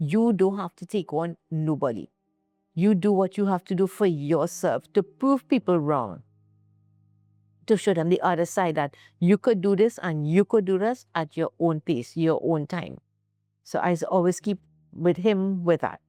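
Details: Adult speaker; ordinary speech.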